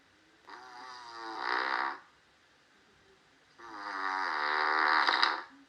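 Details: Two loud, rattling, sharp snores from an adult during sleep, separated by a quiet pause, recorded before applying an anti-snoring mouth patch.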